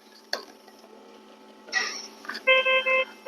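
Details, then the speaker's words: Oxygen alarm on an Aeonmed VG70 ICU ventilator in a demonstration: repeated electronic alarm tones after device noises, sounding because no oxygen source is connected after ventilation was started at 21% oxygen. "Oxygen alarm मौजूद है। इसका कारण यह है कि हमने oxygen का कोई स्रोत नहीं जोड़ा है।"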